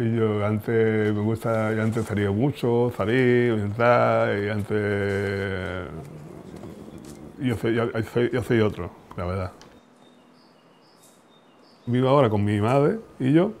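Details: Woman with aphasia after a brain injury at age 33, at first unable to speak, read or write; aphasia.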